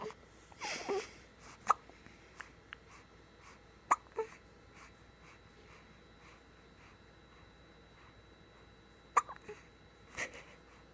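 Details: Repeated short, sharp, clicking hiccups at irregular intervals in a quiet room, with faint breathing between them; hiccups interrupting sleep.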